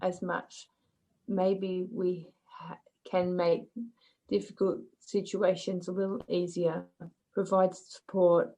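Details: Adult woman with aphasia after an aneurysm and stroke in 2006, with word-finding difficulty and inability to read, write and recognize numbers; aphasia.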